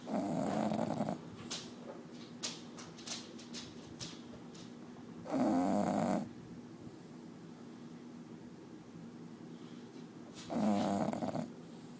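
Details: Loud rattling snores from a sleeping bulldog, about 12 a minute, with faint room noise between, loud enough to drown out the TV; snoring.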